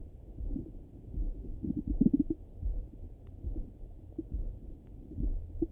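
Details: Low gurgling and rumbling with irregular bubbly bursts through a stethoscope, a stomach rumbling in the morning. Active bowel sounds (borborygmi).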